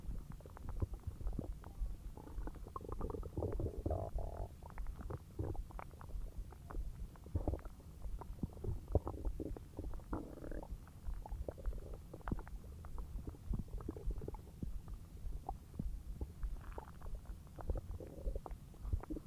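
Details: Continuous low gurgling and rumbling with frequent bubbly pops from the belly while a huge meal digests; ordinary digestive bowel sounds (borborygmi).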